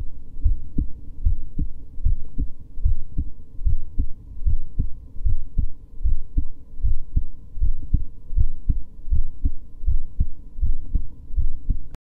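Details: Resting heartbeat from a woman who reports recently getting tachycardia again: steady low heart thumps at about 76 beats a minute, a normal resting heartbeat.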